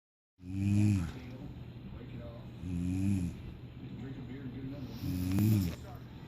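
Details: Adult woman (mother) snoring in the middle of the night soon after falling asleep: loud, low, vibrating snores on each breath, about every 2.5 seconds, roughly 25 breaths a minute.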